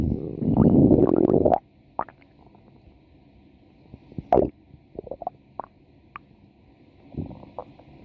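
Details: Lemo's ordinary stomach growling (borborygmi): a long low gurgling rumble, then scattered short squeaks and gurgles over faint background hum.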